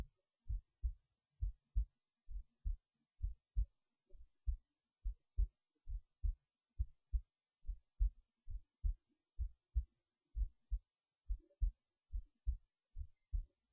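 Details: heartbeat recorded while resting in bed late at night before sleep; regular soft paired low thumps at about 67 beats a minute in a quiet room; normal heartbeat.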